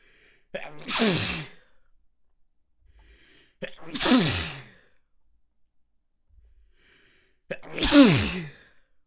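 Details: A sneezing fit after an attempt to stifle it: three forceful sneezes about three seconds apart, each with a short in-breath before the burst.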